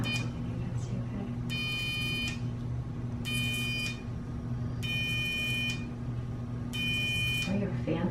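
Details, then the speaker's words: Repeated steady electronic tones, each about a second long, from electrocautery buzzing during blackhead extraction on the back; room noise and music underneath. "can me pull the sides apart like that just now so I can buzz it again buzzing again you're going to"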